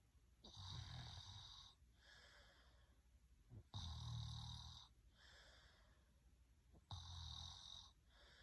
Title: Soothing snoring sounds 😴 Sleep well!